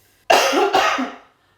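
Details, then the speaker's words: Simulated triage case, adult woman: forced, harsh double cough with throat-clearing, for three days; no trouble swallowing, took natural syrups, no prior lung problems; she suspects air pollution. "Па дтри дена ја имам оваа кашлица."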